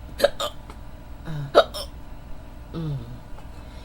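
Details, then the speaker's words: Young woman unable to fall asleep, hiccupping on and off for about 15–20 minutes: a few sharp, abrupt breath catches with short vocal squeaks between quiet pauses; hiccups. "oh excuse oh excuse me I'm really trying to fall asleep but I can't can't do to these hiccups hiccups"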